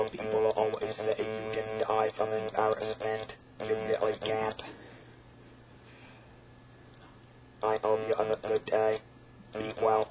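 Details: Electrolarynx speech from a real electrolarynx user, shown during attempted singing with the device.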